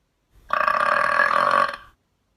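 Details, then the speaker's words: Single loud, sustained voiced burp lasting over a second during a burp contest; burping. "burp voice changer the verb death stop the burp button the burp sneeze ah that was fantastic you all did great and by the way what do you say after you burp excuse me thank you that's good manners"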